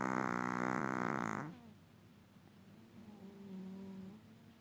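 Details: Small long-haired Chihuahua snoring during sleep; vet reportedly found nothing wrong. A brief low, buzzing rattle on one breath, then quieter nasal breathing in a quiet room; snoring.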